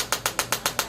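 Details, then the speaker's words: Chiropractic impulse adjusting instrument firing on a prone retired police officer treated after an auto accident, targeting lower lumbar spine subluxations: rapid, regular mechanical clicks, about seven to eight per second. "we use an impulse adjusting gun and it's very very easy very quick and you get to see it live right now"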